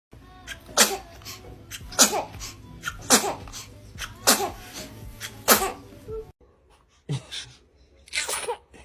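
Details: Babies' sneezing fits: repeated sharp, high-pitched infant sneezes in quick succession.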